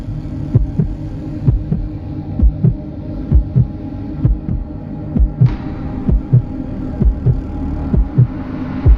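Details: Steady, rhythmic normal heartbeat sound effect, the natural steady beat of a heart, intended for relaxation, meditation, sleep or soothing babies and pets.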